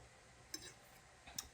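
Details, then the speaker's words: Adult woman with severe temporomandibular joint disorder (TMJ), chewing breakfast on camera: two brief, sharp jaw clicks less than a second apart against quiet room noise; jaw clicking from TMJ disorder. "apologies in advance if you hear my jaw clicking"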